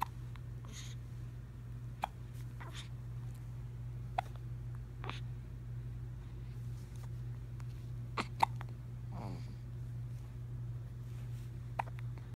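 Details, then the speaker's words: 17-day-old newborn with hiccups: short, sharp hiccup sounds about every two seconds, with a small grunt between them over a steady low room hum. "Oh, you have hiccups, baby."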